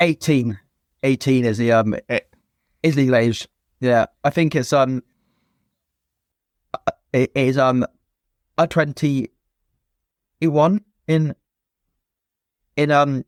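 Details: Stuttering (stammer) present since a young age in an adult man, a former soldier, in spontaneous conversational speech with repetitions and blocks.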